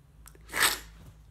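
A single brief, muffled sneeze with a short sharp burst of air, from someone with a cold.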